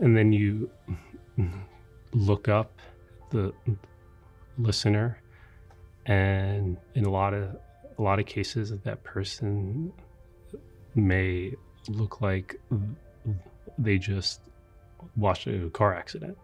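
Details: Adult man who has stuttered nearly his entire life, a neurological condition with a complex genetic component; stuttering with blocks where word beginnings get stuck.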